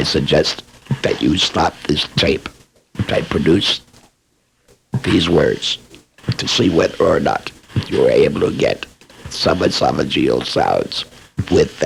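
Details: Esophageal speech by a laryngectomee who is also a speech pathologist, demonstrating esophageal voice production for training after laryngectomy.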